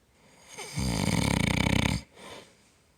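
One loud, rattling, fluttering snore on the in-breath, then a soft out-breath: ordinary heavy snoring.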